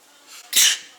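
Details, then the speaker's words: A short indrawn breath, then a single sharp, hissing sneeze from a female client during eyebrow threading, which is said to make people sneeze; sneeze. "she's going to sneeze bless you bless us okay you're so cute"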